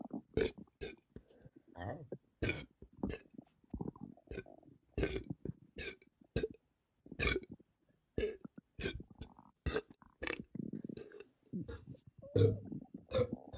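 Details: Person suddenly and very bloated, burping a lot over about 30 minutes before the stomach calmed: a run of repeated short, deep belches with brief pauses between them; frequent burping.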